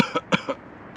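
An adult gives a short run of about four quick, dry cough bursts in a quiet room, a deliberately imitated cough.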